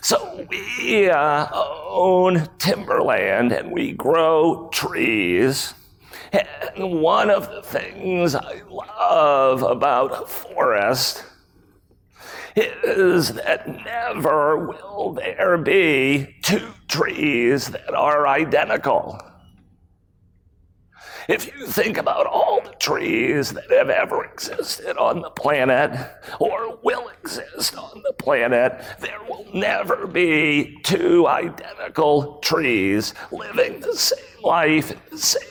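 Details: Real adult man with spasmodic dysphonia, a rare voice disorder acquired in 2010, recorded at a 2018 keynote; his throat muscles spasm and contract when he talks, making speaking sometimes difficult, and he notes it is audible. Finding: spasmodic dysphonia.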